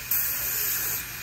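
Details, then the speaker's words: About a second of steady, loud hissing spray from a dental air-water syringe rinsing a boy's mouth while his braces are being fitted. "going to rinse a little bit better here okay"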